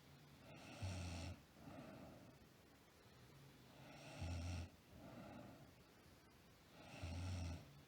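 Rhythmic snoring: a rough rattling sound on each breath, about three cycles over eight seconds, with quieter breathing between them.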